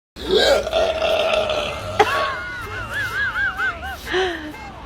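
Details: Man who has drunk too much and can't stop hiccuping: a long, drawn-out burp with a sharp hiccup-like catch partway through, then a wavering groan; burping with each hiccup.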